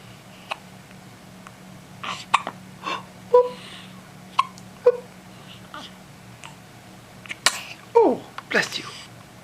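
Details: Infant with several small, sharp hiccups at irregular intervals, followed by a sudden hissing burst with a brief voiced tail: a sneeze.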